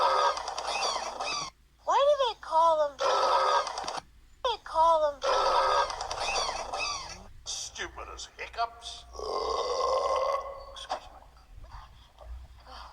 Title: Burps compilation 52